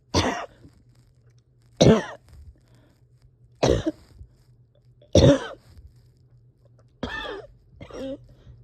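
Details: Person at home having a hard time resting or getting comfortable: six separate harsh coughs about two seconds apart, the last two weaker, with strained, noisy breaths between; coughing with labored breathing.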